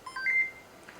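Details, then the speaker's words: Short high beeps as the mode button is held for a few seconds on an AIRVO 2 high-flow nasal cannula machine, switching it into junior mode during setup. "the machine is switched on by pressing this button for few seconds you can see that the machine is now switched on"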